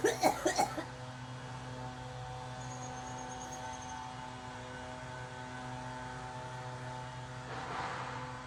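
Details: A quick run of about four coughs from a girl at the start, then steady humming room noise.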